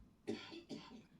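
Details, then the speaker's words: An adult man in a studio gives two short, dry coughs close together, produced on request and picked up by room microphones: cough. "are you okay? We can still hear you coughing."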